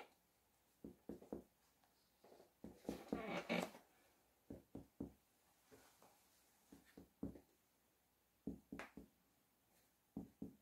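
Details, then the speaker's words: 50-year-old man, posterior chest percussion by a medical student, middle phalanx struck with other hand, starting suprascapular region: repeated pairs of hollow taps with a brief rustle; normal resonant percussion note. "la técnica de la percusión se lo hace primero en este plano se lo realiza con la falange media nuestra de nuestra mano y con la otra mano golpeamos suavemente"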